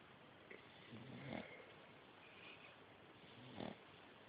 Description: Benji our 8 week old Shar Pei puppy snoring!